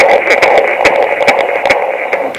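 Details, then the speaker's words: Recorded fetal heartbeat played back through a small speaker inside a toy bear from an ultrasound visit: tinny, rapid rhythmic pulses. "So this is the bear, and it has the heartbeat."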